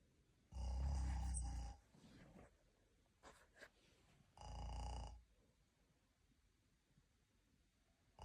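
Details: Person snoring: two low, rumbling snores about three seconds apart, with quiet breathing between them.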